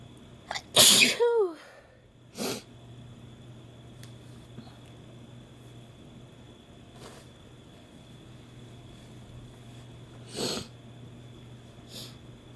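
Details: Adult woman, first use of chhinkni snuff to induce sneezing: one loud, forceful sneeze with a brief voiced tail, then faint sniffs or breaths in a quiet room.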